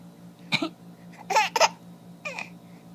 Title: Daddy's cough